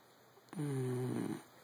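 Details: One low, droning, humming snore of about a second from a sleeping dachshund, with a faint electronic tone in the room: dog snoring.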